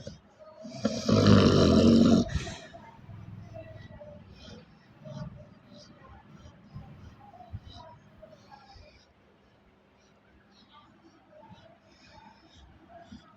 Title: aahaa! snoring🥰 what a blissful sleep!